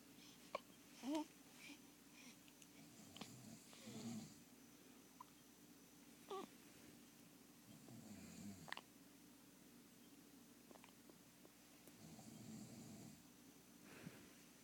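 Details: Hiccups in a 1-week-old baby: several brief, soft hiccups with small voiced squeaks, irregularly spaced, in a quiet room.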